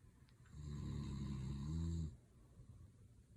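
A single low, buzzing, rattling snore lasting about one and a half seconds, set against quiet room noise.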